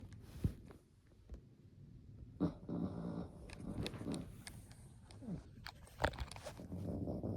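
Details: Sleeping dog snoring, owner wonders if it is having nightmares: low rumbling, snuffling snores mixed with soft growl-like noises in a small room. Snoring.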